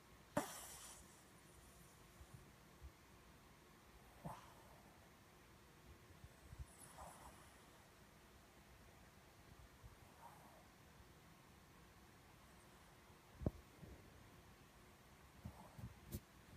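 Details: Shih tzu snoring in REM sleep: soft, rhythmic snoring at about 20 breaths a minute, in a quiet room.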